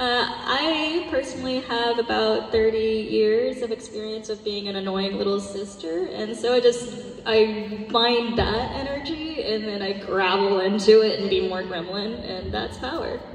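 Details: Adult woman speaking into a microphone; Normal voice.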